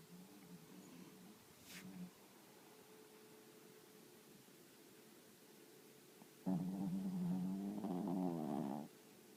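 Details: Adult man and a chihuahua snoring together: soft snoring, then a louder rattling, buzzing snore toward the end.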